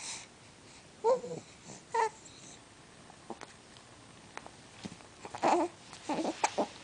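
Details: Baby boy with hiccups, carers trying to startle them away: four abrupt, brief voiced catches over about seven seconds with quiet room noise between; infant hiccups.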